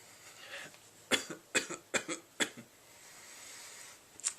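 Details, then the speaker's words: Brief irregular bursts of short coughs and throat noises, a vocal tic in a 31-year-old adult with Tourette syndrome, mostly motor tics, tics beginning at about age 9. "I have mostly physical, or I guess motor tics, but I do have vocal tics as well, the coughing and some other noises."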